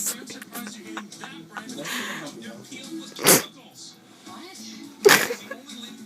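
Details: Drunk, passed-out man who also snores: two sudden, explosive sneezes about two seconds apart, over background music and talk.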